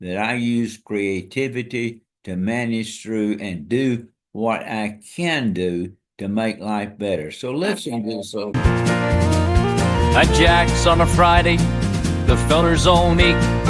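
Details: Dysarthria from ALS in an adult man diagnosed February 2024 after earlier diagnoses of Parkinsonism, Parkinson's disease, spastic paraplegia and primary lateral sclerosis; his walking and speech are failing and hand use is limited.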